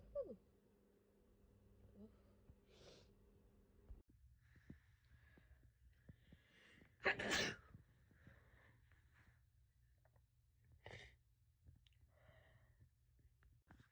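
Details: Sneeze from a person severely sick with COVID, first thought to be flu: one forceful sneeze among quiet breathing and soft vocal sounds in a quiet room; the recording also has sniffles and coughs.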